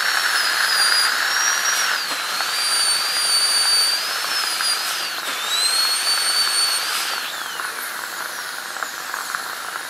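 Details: Steady high-pitched whine of a high-speed dental drill over a hiss, pitch dipping under load as it cuts a crown preparation, during an ADC practical exam demo of an FGC preparation on tooth #36.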